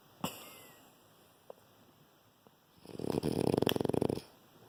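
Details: Tired sleeping puppy: a few faint clicks and snuffles, then one loud, rattling, fluttering snore lasting over a second; dog snoring.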